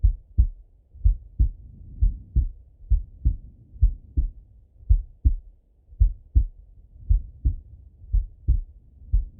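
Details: Full heart auscultation through a stethoscope on a male, recorded either sitting at a desk or lying in bed: clear, steady paired lub-dub beats at about 85 a minute with no extra sounds, normal heart sounds.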